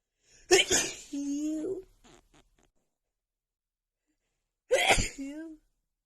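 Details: Female with pollen irritating her nose, in an uncontrollable sneezing fit: two forceful sneezes, each followed by a short voiced trailing sound.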